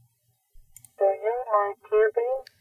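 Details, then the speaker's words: Cochlear implant simulation for a woman with single-sided deafness (implant in one ear, normal hearing in the other): a brief speech phrase, thin, buzzy and muffled, seeming slightly distant, as if behind a curtain, after a few clicks. "the only difference I can really notice is the CI seems just slightly further away is the CI quieter and volume it's not really volume it just seems like it's like on the other side of a curtain or something very slight"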